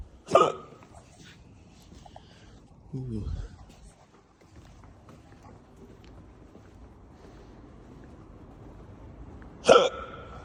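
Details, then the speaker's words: Two abrupt, sharp gulping hiccups about nine seconds apart from a man with a run of hiccups while outdoors, a brief vocal sound between them over background noise. "Man, I got mad hiccups. Mad hiccups."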